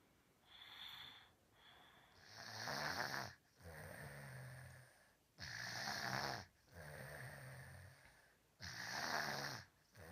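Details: 3-year-old with obstructive sleep apnea and nasal speech, before adenoid removal: loud, rough, rattling snoring on every breath while asleep.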